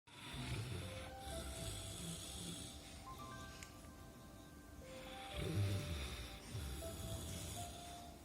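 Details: Labrador that snores a lot while sleeping: low rattling snores, about two breaths heard, under background music; dog snoring.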